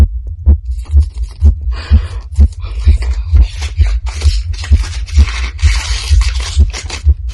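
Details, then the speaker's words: Adult female's heartbeat at about 132 BPM while excited, opening a package. Fast, regular thumping with rustling over it; sinus tachycardia. "i am doing a very very special unboxing today i am extremely extremely excited i can feel my heart beating in my chest"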